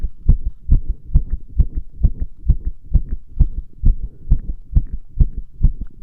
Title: 圧迫心音💓(compression heart sounds)